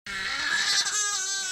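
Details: An infant with bronchiolitis cries during chest physiotherapy exercises; infant crying.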